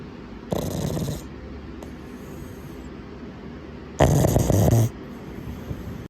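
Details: Sleeping 5-month-old pug: two loud, rough snoring breaths with a snorting rattle, a flat-faced breed's noisy breathing; snoring.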